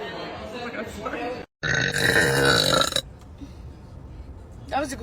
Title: Girls burping compilation №1